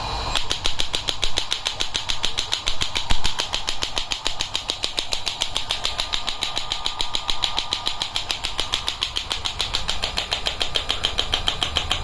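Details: Rapid train of sharp clicking pulses, about 140 a minute, over steady machine hum: a Biotronix electromagnetic shockwave therapy device firing after energy and frequency are set and started from the handle button.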